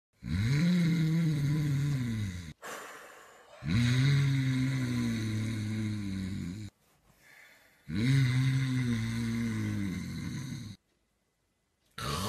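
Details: Someone snoring: loud, drawn-out rattling snores with quieter breaths in between, about 14 breaths a minute.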